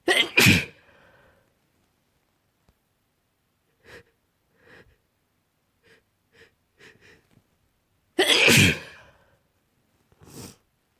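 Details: Sneezing fit in a sleepy person sick with a cold: two forceful sneezes, soft sniffs and catching breaths, then another loud double sneeze and a smaller one.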